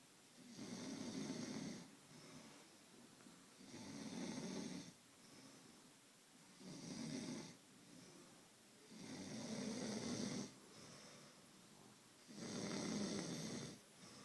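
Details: Person snoring while asleep in a quiet room: rhythmic rasping snores on each breath, about 20 a minute.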